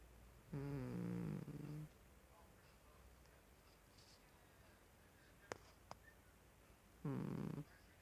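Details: A sleeping cat snoring: two buzzing, vibrating snores several seconds apart, with quiet breathing between.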